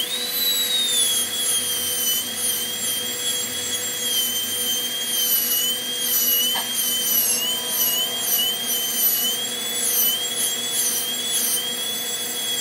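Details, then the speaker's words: Steady high-pitched whine rising and dipping slightly in pitch: high-speed dental drill beveling the preparation on extracted tooth #4 in a typodont for a MOD direct composite onlay. "so for the facial we're going to bevel it in a similar manner about a 1 millimeter wide bevel and then we're going to modify that facial bevel into a starburst bevel"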